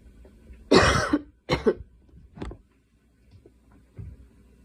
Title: Girl coughing 294